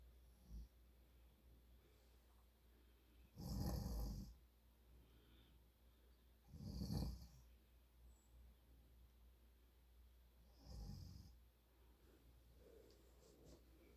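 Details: Adult man snoring in sleep; three rough, rattling snores at irregular intervals over quiet room noise: snoring.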